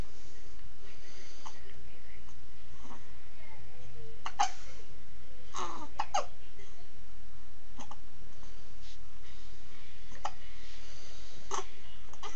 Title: Stupid hiccups